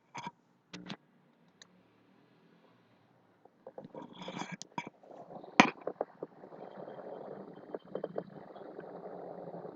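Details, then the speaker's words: Fine crackles: brief, sharp popping clicks over breath sounds at the end of inspiration, played as a teaching example during a chest examination lesson. "Ese fue el sonido de los crepitantes finos"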